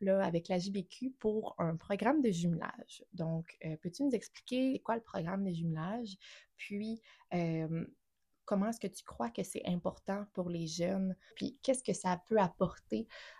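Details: Adult woman speaking French; typical speech.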